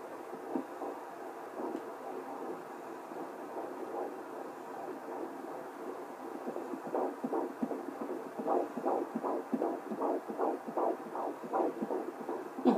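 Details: Twin fetal heartbeats at 14 weeks 6 days on Doppler, both picked up together for the first time: rapid whooshing pulses around 158 a minute.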